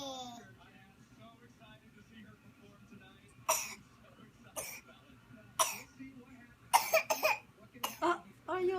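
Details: A young child named in the caption gives about seven short, light, deliberate fake coughs with brief pauses between them; voluntary cough.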